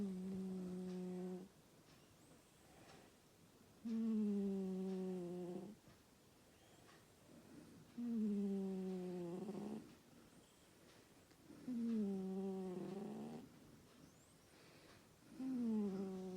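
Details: Slow, regular snoring with a humming, tonal quality, about 16 breaths a minute, in a quiet room.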